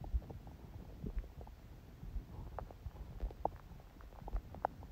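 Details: Quiet, ordinary bowel sounds on a day the person reports little stomach growling after a morning smoothie and salad: faint soft gurgles and low clicks against background hiss.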